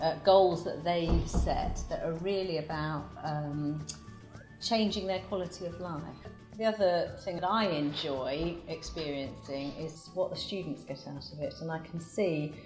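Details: Adult woman speaking; normal speech.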